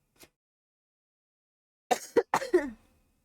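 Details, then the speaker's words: A faint click, then a quick run of about four short coughs ending in a voiced throat clear, from a person with asthma. "Yeah, it's just coughing. It's because I have asthma, guys."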